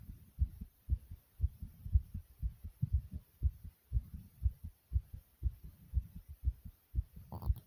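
Fast, regular low thumping heartbeat at about 118 beats a minute, a normal rise after exercise.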